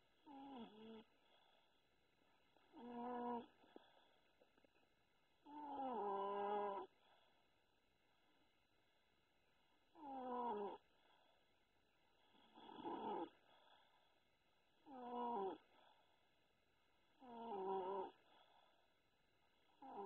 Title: My baby asleep, snoring